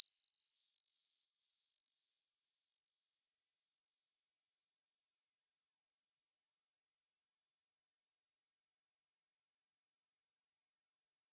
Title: HEARING TEST | How Old Are Your Ears ?